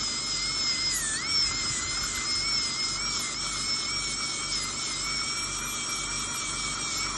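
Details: High-speed dental drill whines steadily and continuously in a small room, during crown preparation for a porcelain-fused-to-metal dental bridge on a real patient replacing the extracted right upper second premolar and right lower first molar.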